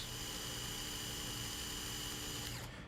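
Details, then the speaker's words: Continuous high whirring drill winding down at the end: surgical drill passing quadricortically through clavicle and coracoid bone under fluoroscopic guidance during a knotless acute acromioclavicular joint repair. "to do now is just drill quadrocortically and I'm going to leave the fluoro on so we can follow that there goes the first cortex there goes the second cortex"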